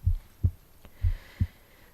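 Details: Normal heartbeat recorded on the left side of an adult's chest while reading aloud: steady low lub-dub thumps, about 62 beats per minute, in a quiet room.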